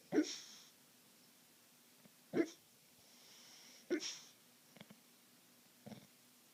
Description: Our Bulldog snoring and taking up our bed.